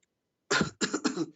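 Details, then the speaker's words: An adult gives a quick run of three harsh, throaty coughs during a heated live debate. The other speaker claims the coughing comes from laughing or embarrassment; the cougher says it is from eating chips. "you are not eating chips you are coughing from laughing at your profit"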